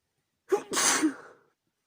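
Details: A single sneeze from a female, set off by chhikni sneezing powder: a sharp inward catch, then one forceful hissing burst of air that trails off.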